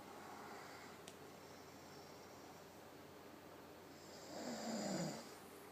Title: Snore Sound Part I